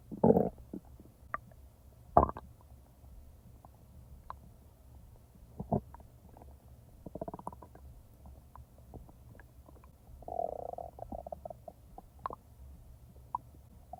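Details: Real abdominal sounds from a person's active stomach, not recorded in real time: irregular gurgles, pops and brief rumbling squeaks; ordinary bowel sounds (borborygmi).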